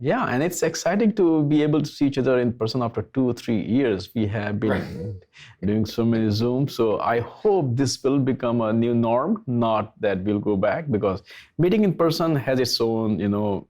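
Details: Adult male speaker; Normal conversational speech.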